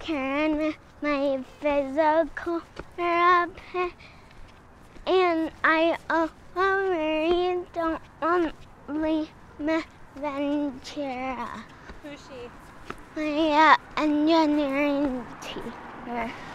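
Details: Girl of elementary-school age with Friedreich's ataxia, a degenerative autosomal-recessive genetic disease; speech always different, consonants sounded like 'h' at ages 3–4; improved with speech therapy while mobility worsened; ataxic dysarthria.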